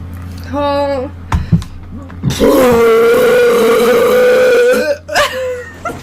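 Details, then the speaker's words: Burping during a thigh-squish session: a short voiced belch, then a long, loud sustained belch lasting over two seconds, with a steady room hum; ordinary burping. "I'm going to try to like not burp immediately"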